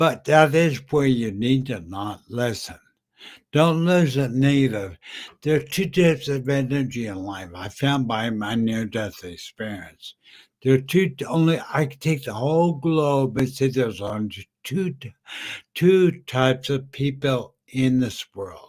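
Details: Adult man with slurred speech after a stroke in September 2015 that also caused aphasia and short-term memory loss; says people think he is drunk; dysarthria.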